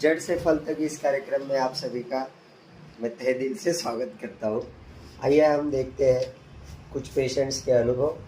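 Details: Adult male speaker; normal speech.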